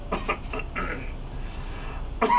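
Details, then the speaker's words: Acted cough in a simulated COPD case: 64-year-old man, 40-year smoker, prior pneumonia, quick run of short harsh cough bursts then one more after a pause during lung auscultation with deep breathing; reports a little sputum. "does it hurts it just makes me want to cough more"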